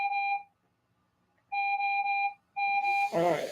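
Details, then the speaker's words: Repeated clear electronic beeps from a heart rate monitor alarm going off while the wearer records a podcast, with a brief voice at the end. "okay sorry about that my heart rate machine was beeping"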